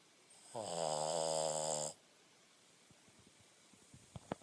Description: Beanie, my Boston terrier, climbed into my lap while I was doing schoolwork. He fell asleep and started snoring.